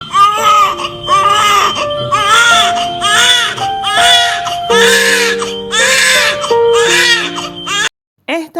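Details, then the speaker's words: A newborn's first cry at birth: repeated loud, high-pitched wails over background music, a strong cry signalling the baby is well. "این اولین باریه که مادر بعد شنیدن صدای گریه نوزادش می‌فهمد حال نوزادش خوبه در حالی که پزشکان متخصص هم در کنارش هستند."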